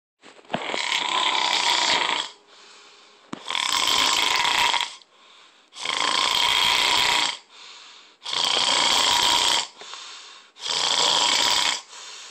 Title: Super Snore